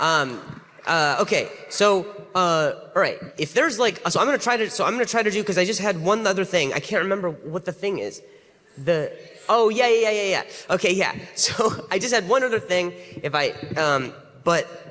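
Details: Stuttering in an adult male comedian who has a stutter, speaking live on stage while closing out a show after a disruption, then apologizing for his stutter.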